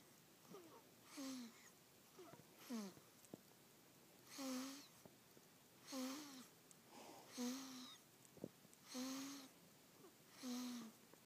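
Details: Infant almost 3 weeks old snoring in sleep after a long day: soft, regular, squeaky, whistling breath sounds at about 39 a minute, with small pitched voiced noises.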